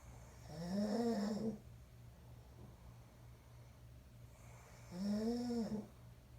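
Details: Snoring recorded 1-8-23: two smooth, humming snores about four seconds apart, a vibrating sound on each breath in, over a low steady room hum.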